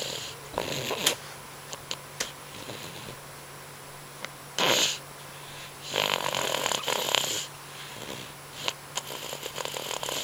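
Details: Soft snorting snores with short noisy bursts over quiet room hum, likely a sleeping small pet.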